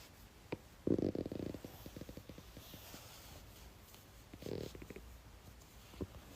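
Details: Two short bursts of bubbly, gurgling rumble in a quiet recording: stomach growling (borborygmi) from a young blonde woman's belly.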